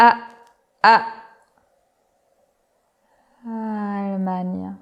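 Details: Imitated stuttering block with pull-out: freeze on initial vowel, pause, then slow quiet onset resumption; stuttering block with pull-out (imitated).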